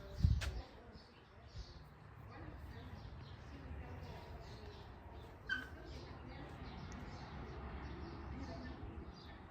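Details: Stethoscope auscultation over a calm horse's chest, cranial and caudal lung fields within transverse shelf, tuber coxae and elbow borders; respiratory rate about 12 per minute: soft, low rushing breath noise, normal unremarkable equine lung sounds.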